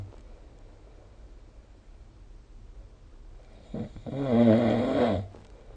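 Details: Snoring sound recorded with the SnoreLab smartphone app.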